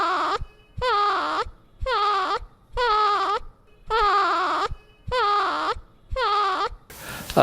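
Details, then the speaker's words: Teaching audio clip of an infant making short, moaning, voiced sounds with each breath out, about once a second: expiratory grunting, which needs immediate medical attention. "uh if you're if if if your infant is grunting you need to seek immediate medical attention"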